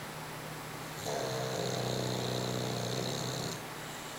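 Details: Sleeping dog snoring: a loud, sustained, rattling snore in one long breath with a whistling edge, over steady room noise.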